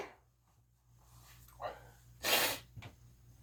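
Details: A couple of sharp, explosive sneezes, each preceded by a quick intake and the loudest a full sneeze, within a long continuing sneezing fit.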